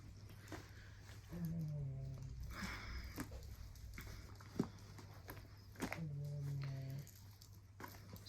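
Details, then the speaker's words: Pet dog awake and looking at owner, not asleep, making two low, rattling snore-like breaths (stertor) over quiet room noise. "you can hear Pearl snoring she's not even asleep she's just looking at me aren't you pearly Pearl"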